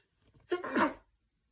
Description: This video includes some stifled and mostly unstifled sneezes.